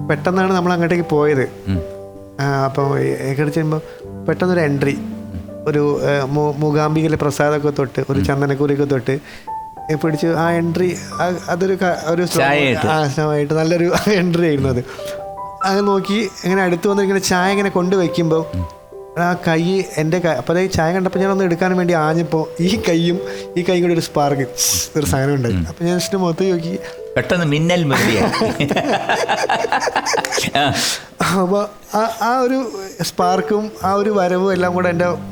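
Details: Adult male actor who has a stutter, speaking Malayalam on a TV talk show; stuttering.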